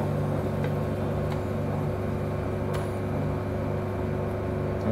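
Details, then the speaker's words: Steady low motor hum with a faint whine, no breaks, as a medical suction machine (aspirator) with vacuum jar and filter is switched on and tested; running normally. "now let us turn it on and see now his plot and we turn it on as you can see this is the pipe let me test it the suction"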